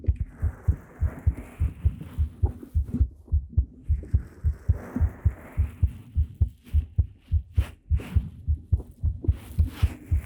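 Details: Heartbeat in a binaural talking-ASMR roleplay recorded with a 3Dio Pro microphone: steady paired heart thumps at roughly 105 beats a minute, with faint rustling and handling noise over them.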